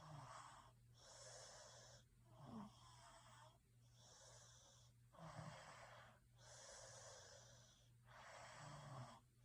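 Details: Snoring during sleep: repeated rough, hissing snoring breaths, about six in nine seconds (roughly 38 a minute), over a steady low hum.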